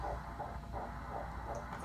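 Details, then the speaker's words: Fetal heartbeat at 8 weeks 2 days in a first pregnancy, heard during an early scan with crown-to-rump length almost 2 cm. Rapid, regular whooshing pulses at about 160 beats per minute, described as beautiful and normal. "So good size. Looks perfect. No confusion. Heartbeat's beautiful."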